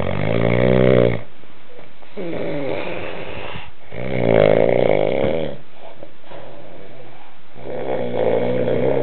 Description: a snoring bloke